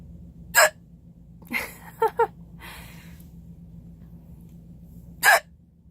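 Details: A person records their own hiccups: two sharp, abrupt hiccups about five seconds apart, with softer breath and mouth noises between them.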